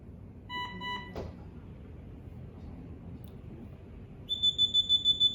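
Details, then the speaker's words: Dräger Savina 300 ventilator pre-use device check, alarm test: short pair of electronic tones, a click, then a fast run of high repeated beeps confirming the alarm still sounds. "Oke, gini untuk pengecekan alarmnya masih bunyi atau enggak, bisa kita yes."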